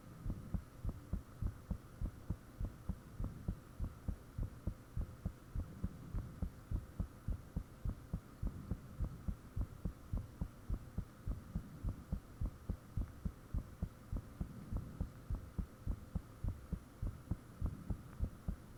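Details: Self-recorded own heartbeat with fan off, made shortly after the heart began feeling very thumpy; strong, regular low thumps about 100 a minute over a steady hum; loud, somewhat fast heartbeat, valves reportedly audible.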